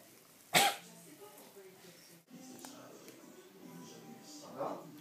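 A cat gives one sharp, explosive sneeze, followed later by a softer second burst.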